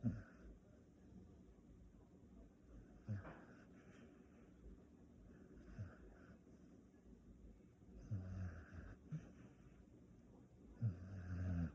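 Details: A sleeping Staffordshire terrier (female) gives soft, irregular snorting snores while napping.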